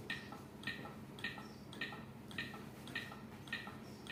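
Steady clicking tones at about 105 a minute from a training defibrillator, pacing chest compressions during CPR.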